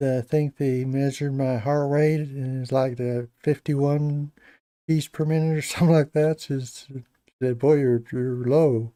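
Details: Adult man with Parkinson's disease for a little over 10 years, treated with deep brain stimulation since 2017, who says his voice has gone down and is less clear than years earlier; hypokinetic dysarthria.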